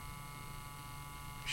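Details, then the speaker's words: Battery-operated handheld vibration anesthesia device running against a woman's face during a Juvéderm filler injection to dull injection pain; a steady electric buzzing hum in normal operation. "So I'm letting her know what it feels like. And this is a little bit of Juvéderm. And we're going to put it right in here. So, I'm vibrating. And we're going to inject right here."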